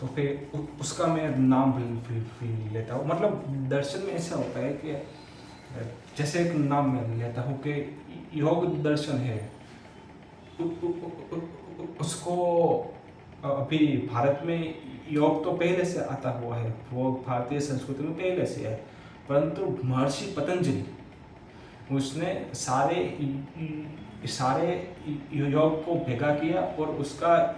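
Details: Adult man's own speech in Hindi, self-reported stammering, during story/lecture practice on day 1 of a daily speech practice routine; stuttering (stammering).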